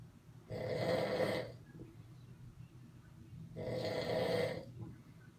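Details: Two long, loud, rattling inspiratory snores about three seconds apart, with quiet breathing between, from a sleeping man: heavy snoring.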